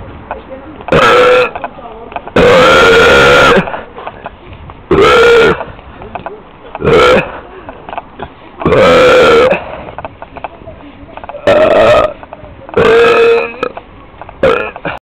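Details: Repeated burping outdoors in the street: nine loud, drawn-out voiced belches in quick succession over a quiet background.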